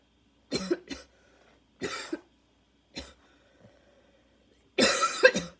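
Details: Barking cough with wheeze during a coughing fit that needed an inhaler.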